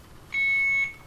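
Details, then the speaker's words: Alaris IV infusion pump occlusion alarm, sustained high electronic beep, "occluded patient side" from forgetting to open the roller clamp on a second (channel B) line; instructional demonstration; infusion pump occlusion alarm. "you see this here it says occluded patient side i forgot to open up my roller clamp"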